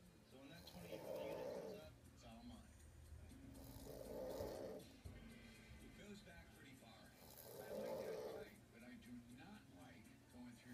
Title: 1 sock 1 snoring parent